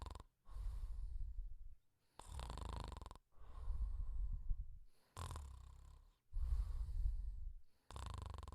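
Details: Simulated cartoon snoring from the Pink Panther: soft, low, rattling snores with breathy in-and-out cycles, roughly 22 per minute, uneven in timing.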